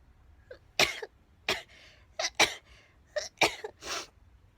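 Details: Sneezing compilation: several short, sharp bursts of air heard as quick sneezes, some with a small intake of breath before them.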